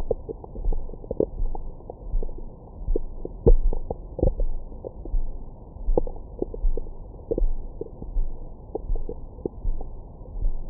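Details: Recorded with a Stemoscope stethoscope microphone on the belly after a large meal: continuous muffled rumbling with frequent gurgles and small squeaks, normal active bowel sounds (stomach growling).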